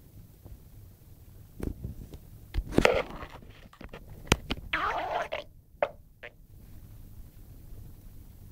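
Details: Sleeping dog's stomach growling (borborygmi), loud enough to hear through a closed bedroom door: irregular gurgling and squelching rumbles with sharp pops in a quiet room.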